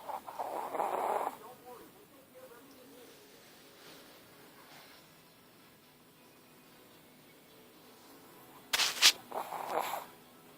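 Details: Pet snoring at night: two soft, rough, mid-pitched snorting breaths several seconds apart in a quiet room, with a brief click between them.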